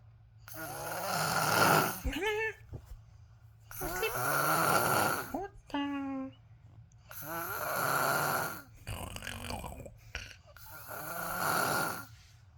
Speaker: My boss snoring. I can't sleep. What can I do now? It's too loud.